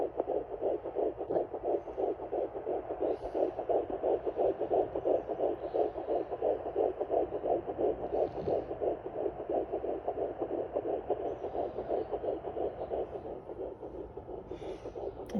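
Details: Fetal heartbeat at 10 weeks 2 days of pregnancy on a handheld Sonoline B fetal Doppler placed low on the belly just above a caesarean scar. Fast, steady whooshing pulses are heard at about 170 a minute. The display readout was inaccurate, then adjusted to 150–159.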